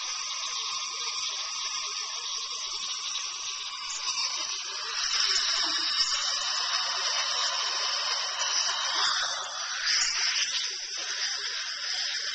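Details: Dental filling recorded on a Flip Video camcorder: high-pitched continuous whine of a dental drill with small pitch changes as it works on a tooth; dental drill.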